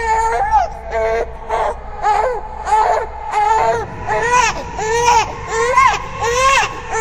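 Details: Simulated ghost-baby infant cry horror sound effect, designed with layered ambience, reversed textures and distortion: rhythmic, wavering wails in repeated bursts about 87 a minute over a low background rumble.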